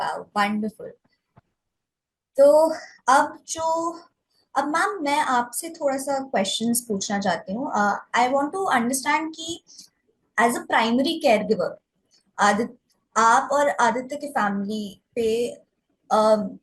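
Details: Adult woman; typical speech.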